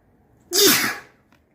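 A single sudden, forceful, wet-sounding sneeze, then quiet.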